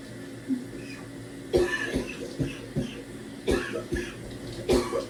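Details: Adult trying to clear phlegm in the shower: deep, barking coughs, at times severe enough to double the person over; productive cough.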